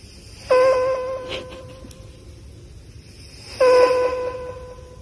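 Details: Scottish Fold cat asleep on a microphone, snoring: two whistling, tonal snoring breaths about three seconds apart.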